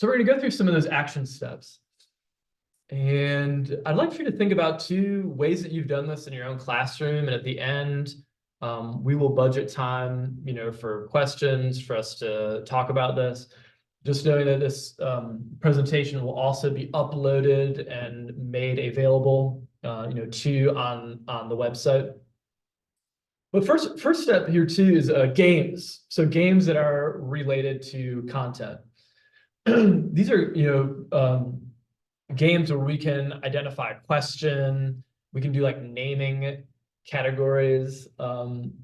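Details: Adult man who stutters, himself a speech-language pathologist specializing in fluency disorders; stuttering.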